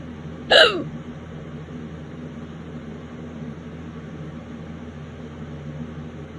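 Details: Single sharp, abrupt hiccup over steady room hum, late at night; violent hiccups that have lasted half an hour already and won't go away.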